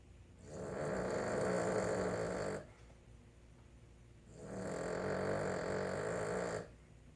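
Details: Sleeping female Boston Terrier snoring loudly through the night in the owner's room: two long, rough, rattling breaths about four seconds apart, with quiet pauses between.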